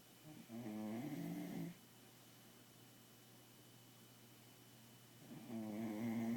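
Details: Bulldog puppy snoring asleep on a typical night at home: two loud, rattling, fluttering snores separated by quiet pauses, roughly 13 breaths a minute.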